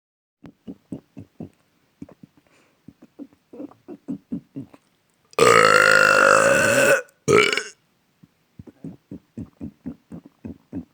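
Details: A long, loud, drawn-out belch and a second shorter one, with quick soft rhythmic sounds before and after; burping.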